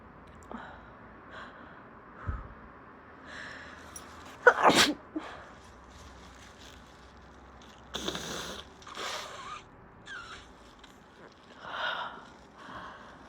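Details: Female at the start of a bad cold sneezing: a sharp, forceful sneeze among quieter sniffs and snorting breaths.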